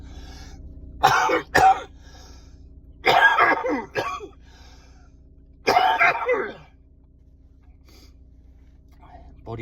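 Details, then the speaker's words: Productive coughing fit in an adult with a lung condition, recorded while stopped in a car: three bursts of harsh, wet coughing with throat clearing, trying to clear mucus; the patient describes breathlessness and sometimes dizziness during fits. "trying to clear all the mucus. This is what to expect. And when you cough, you're not breathing in, not getting enough oxygen into your bloodstream."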